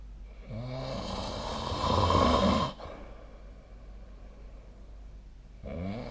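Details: A low, rattling snore builds over about two seconds on an in-breath, then a quiet pause before the next snore: ordinary snoring in sleep.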